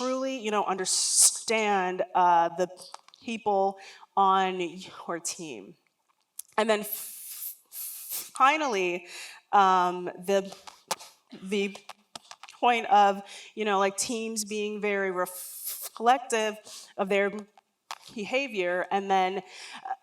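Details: Real lifelong stuttering in an adult woman, onset around age three and never outgrown.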